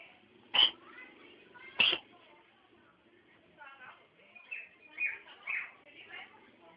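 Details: A pet cat with a cough gives two sharp, forceful bursts followed by softer huffing and airy sounds: cat cough.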